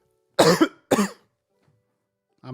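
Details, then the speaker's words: Adult on a live stream with two short, loose coughs in quick succession, a plain cough; reports having had sniffles, possibly from pollen. "Yeah, it sounds like you got a little bit of a cough. I heard you kind of hacking a little bit."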